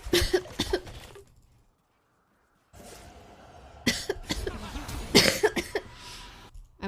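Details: A streamer, talking during a livestream, gives a short run of harsh cough bursts, a silent pause, then several more coughs and throat clearing in a small room.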